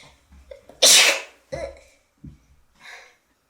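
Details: Sneeze from a consenting model, with droplets mentioned after: brief catching inhalations, one loud, explosive, hissing sneeze, then softer breaths and a faint exhale.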